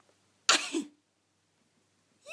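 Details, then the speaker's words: A single short, breathy cough from a 5-month-old baby girl, produced on purpose as a fake cough on a parent's prompting rather than from illness; voluntary cough. "Good girl. You do it. You do a fake cough. You do it."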